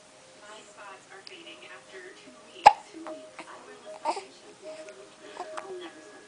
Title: baby hiccups